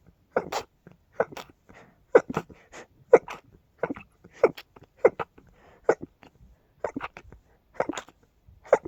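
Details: Sneezing fit blamed on dust and pollen: a rapid run of about fourteen short, forceful sneezes, each roughly half a second apart, possibly sounding like a dog; rapid sneezing.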